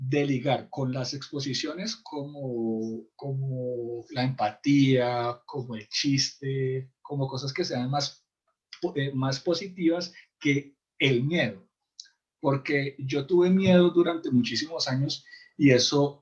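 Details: Adult male in a stuttering support group who says his stuttering cannot be cured but can be lived with; stuttering.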